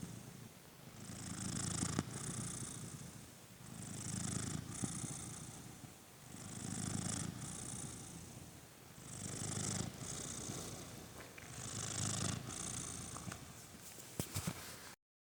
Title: No background noise, only the cat purring/snoring #happycat #cat #busylife #chilling #aww